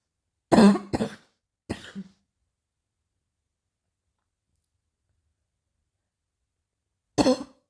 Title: coughing a little